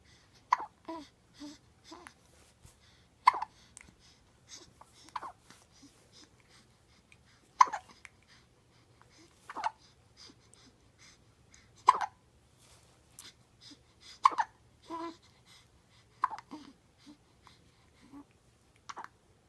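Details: Sharp, brief hiccup chirps from a small pet, recurring every two to three seconds with soft sounds between: hiccups.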